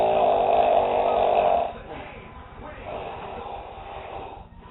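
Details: Man asleep on a couch, a habitually loud snorer: one loud, harsh, rattling snore under two seconds, then quieter breathing and room noise.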